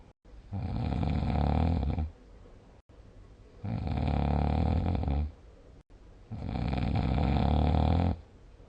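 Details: Snoring recording dated 6 July 2020 with a snore score of 77: three loud, low, rattling snores on inhalation, about 20 breaths a minute, with quiet exhalations between.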